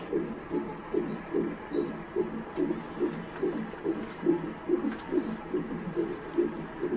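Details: Rapid, regular whooshing pulses at about 140 a minute: a fetal heartbeat on a Doppler monitor at 37 weeks of pregnancy, checked at hospital after the mother noticed the baby was not moving.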